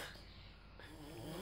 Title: NGAKAK !! GEMOY DINDUT MENIRUKAN SUARA NGOROK MAMAH DAN BAPAK